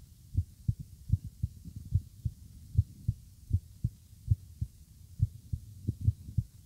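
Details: Steady, regular heartbeat of paired low thumps at about 75 beats a minute, recorded in the morning: normal heartbeat.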